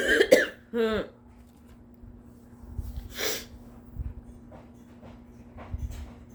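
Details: Exhausted, voiced build-up then sharp noisy sneeze burst with soft sniffs after, induced after a long audition day; nose bothering all day, plus sore throat, bad headache and stuffy nose, and the person wonders if they are getting sick.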